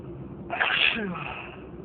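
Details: Stifled sneezing fit: one short, hissing, held-back sneeze with a little voice in it.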